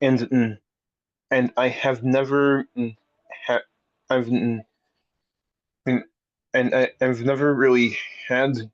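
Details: Adult man; stuttering.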